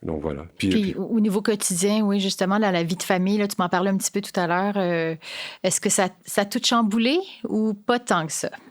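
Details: Adult woman speaking French; normal speech.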